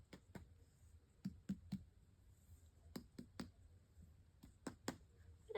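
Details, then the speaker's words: Abdominal percussion during a head-to-toe assessment: about ten sharp taps in small groups giving tympany, a normal finding over gas-filled bowel. "I heard tympany."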